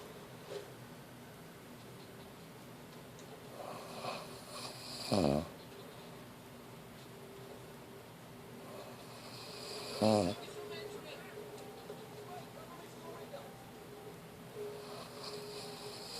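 Slow snoring in a quiet room, with rattling snores about every five seconds, roughly 12 breaths a minute.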